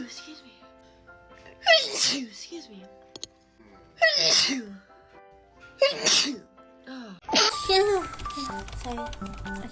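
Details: Four sharp sneezes in a row, each a quick in-breath then an explosive burst, over soft music.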